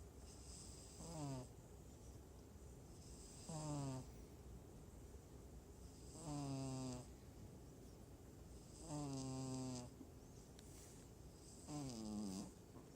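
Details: Steady snoring: five regular, tonal, whistling snores, about twenty-three a minute, over quiet room noise.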